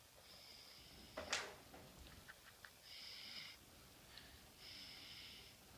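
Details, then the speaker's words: Sleeping male snoring after eating chicken: repeated high-pitched whistling tones on slow breaths, each about a second, plus one brief snort; whistly, nasal snoring. "my God. He's snoring."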